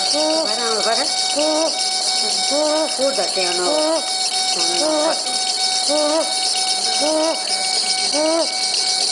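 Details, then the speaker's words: Infant in the ER with severe upper airway obstruction, anxious breathing with suprasternal and subcostal retractions, held on caregiver's lap during nebulization: harsh, high-pitched noisy breaths about once a second, typical laryngotracheobronchitis (croup) inspiratory stridor. "so this file has severe Strider because of the upper Airway obstruction and you can hear the quality of the Strider which is quite harsh so this is a typical altb Strider"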